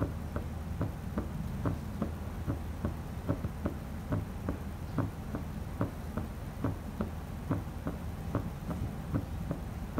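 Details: Real patient's heart sounds auscultated with a Stemoscope wireless stethoscope via its app livestream: steady paired heart sounds about 72 beats a minute over low rumbling background noise.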